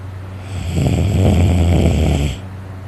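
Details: Person snoring loudly while very tired and asleep, later with a sore throat from snoring: one loud, rattling, low snore about two seconds, over a steady low hum.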